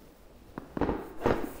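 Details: Quick series of sharp pops from the upper back during a thoracic spinal manipulation (osteopathic treatment) of a woman with central-left upper back pain, suspected mechanical block; joint cavitation cracks.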